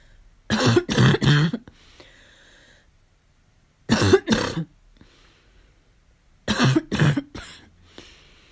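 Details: Barking cough with a fall cold: three bouts of two to three harsh, hoarse coughs in a quiet room.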